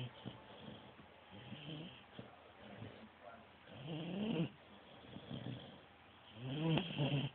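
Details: Sleeping person snoring: soft rumbling breaths with low, rattly fluttering on some of them, growing louder near the end.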